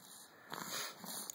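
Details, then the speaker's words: Three-week-old baby girl with her first cold, two short snuffly snorting breaths through a blocked nose; nasal congestion breathing. "poor little lady has her first cold she's 3 weeks old"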